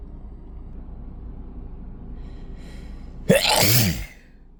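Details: Adult in a car after a long workday, nose irritated by dust and perfume: faint intake of breath, then one loud explosive sneeze over low cabin hum; sneeze.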